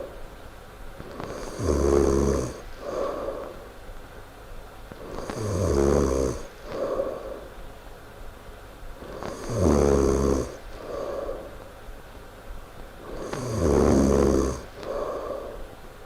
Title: loud snoring